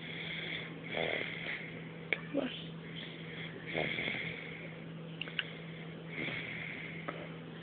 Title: 9/22/12 snoring